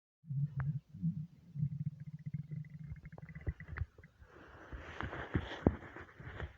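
Low gurgling, growling rumbles that trail into bubbly churning sounds; stomach rumbling from an empty, hungry gut, which is normal.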